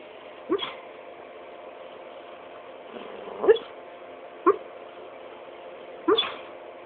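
Four soft, brief whimpering yelps over several seconds from a sleeping dog, ordinary dreaming noises.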